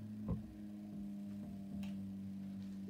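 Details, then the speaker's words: Homemade stepper-motor bag valve mask ventilator demonstrator, not a medical device, running: steady motor hum with rhythmic ticking as it squeezes a resuscitation bag; rate and tidal volume adjustable, stops at minimum tidal volume. "so let's just set the machine in motion so always when I when I press stop it will always stop at the minimum tidal volume so then it always starts with a pump pumping breath it can be made to go faster and slower"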